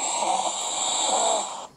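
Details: A snoring patient's recording plays through a phone speaker with steady hiss for a snoring clinic consultation: one long, harsh, rattling inspiratory snore. The specialist calls the condition serious and says loud snoring.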